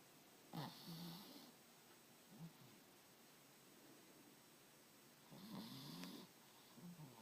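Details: Chihuahua named Tony snoring.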